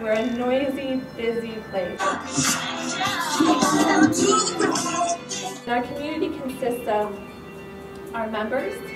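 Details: Adult woman speaking; normal speech.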